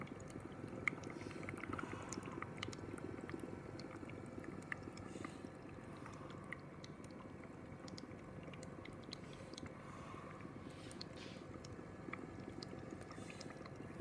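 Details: Oxygen concentrator operating sound.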